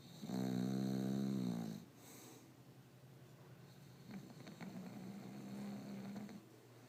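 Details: English Bulldog: loud, buzzing, vibrating snores on the breaths in, with quieter snuffling between them; snoring.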